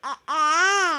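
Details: Newborn baby boy gives a brief cry, then a longer sustained wail with a clear, steady pitch; newborn cry.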